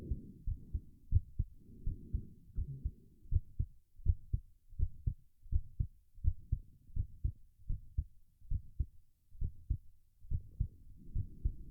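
Steady paired heart thumps near 80 beats a minute, with heavy breathing sounds during physical effort.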